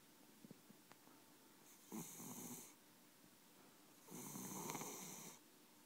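Two soft, rough breaths with a faint low flutter in a quiet room: a cat snoring.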